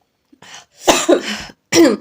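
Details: A short run of harsh coughing bursts with a throat-clearing quality in a quiet room, recorded during a 2x spicy noodles eating challenge; cough.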